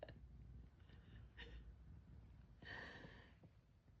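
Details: Cat Lucky, born 2015-03-14, sneezing.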